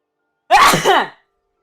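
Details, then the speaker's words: A single short, voiced, slightly sing-song sneeze from an adult in a quiet room, which the adult says they have been practicing to keep quieter. "Oh, I've been practicing my sneezes. I've been trying to keep my sneezes quieter."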